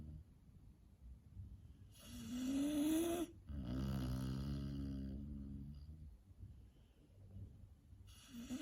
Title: Puppy snoring